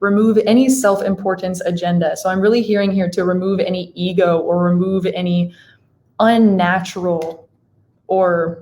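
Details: Adult woman speaking; Typical speech.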